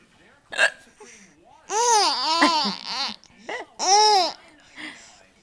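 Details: A couple of short adult hiccups from a mother, each followed by a baby's bright, bubbly laughter; ordinary hiccups.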